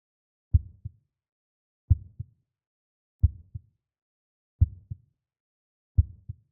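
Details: Regular paired lub-dub thumps in silence, about 44 a minute; a slow, steady heartbeat.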